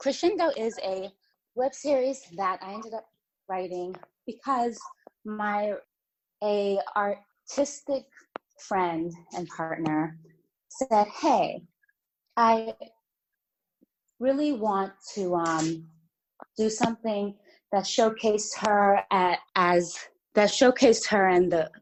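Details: Stuttering in an adult woman who says she has a stutter that was more severe in the past; part-word and word repetitions.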